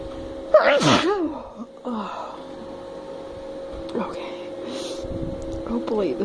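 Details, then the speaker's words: Woman sneezing after using snuff and black pepper, nose still burning: a single forceful voiced sneeze over a steady background hum (fan), then quiet breathing and faint voice. "still feel the burn so i'm guessing i could get some more sneezing out"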